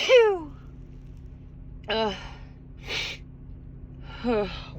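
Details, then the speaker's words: Female with a Christmas cold: a big sneeze, loud voiced burst with falling pitch, then a breathy puff and drawn-out groaning exhale. "that was a big one. Excuse me. Excuse me. Sneeze. Oh, excuse me."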